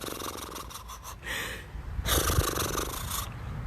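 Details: Agonal gurgling respirations, a sign of opioid overdose calling for naloxone.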